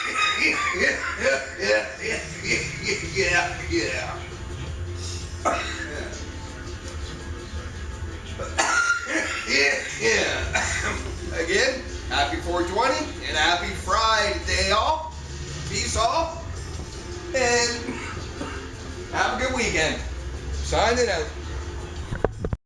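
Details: A few short, harsh coughing bursts from an adult after a dab of honey oil (cannabis concentrate), partly masked by background music and talking.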